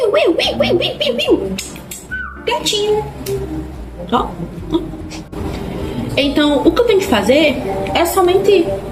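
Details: Young woman with Tourette syndrome, diagnosed around age 15-16, with motor tics of face, head, jaw and mouth; apparently produces her recurring vocal tic "gatinho" mid-sentence; vocal tic (Tourette syndrome).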